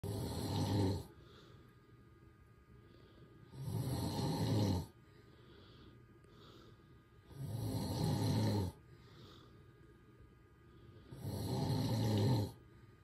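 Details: Adult husband snoring hard during sleep: loud, rough snores on each breath in, about 16 a minute, with quiet breathing out between them.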